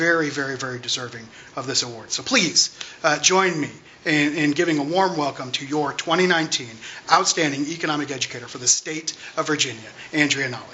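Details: Adult speaker at a public event; normal voice.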